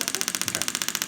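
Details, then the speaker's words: Storz D-Actor 100 radial pulse-wave (shockwave) handpiece used with ultrasound gel for rotator cuff tendon pain: noisy, rapid, even train of sharp clicking pulses, roughly fourteen a second, each a projectile striking the transducer tip. "so the way that this works is I'm going to apply a little bit of ultrasound gel II and then you'll kind of hear that as it turns on it's a little bit noisy"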